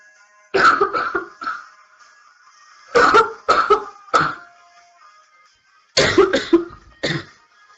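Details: Woman coughing during a livestream in the early stages of what became a severe chest cold: three bursts of several harsh, fairly wet, forceful coughs with quiet gaps between.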